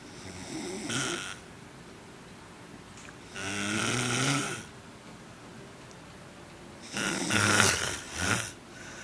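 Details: Three rough, rattling, irregularly spaced snores, the last split into two pulses, from a man asleep on a couch in a quiet room; likened to a fishing reel; snoring during sleep.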